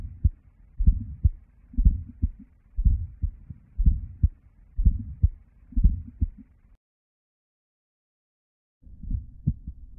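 Regular heartbeat at about 60 a minute with paired heart sounds and faint noise between them, from a bicuspid aortic valve.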